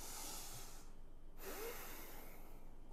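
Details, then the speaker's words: Adult with sleep apnea breathing through a CPAP nasal mask that pushes pressure into the nose: long hissing airflow breaths, drawn in longer and blown out, with brief pauses between them. "Niin tässä tulee tehtyä se, että sä hengität sillai"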